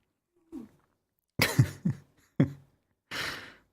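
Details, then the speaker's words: Snoring and wheezing from a hound dog that is getting older, though not very old, and often snores and wheezes while resting in the room: dog snoring. "so my dog is in the room snoring again probably can hear that over there she's she's getting older she snores and wheezes a lot"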